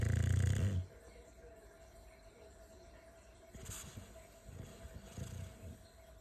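One loud, low, rattling snort opens, followed by quiet and then softer snuffling grunts: snoring in a bulldog.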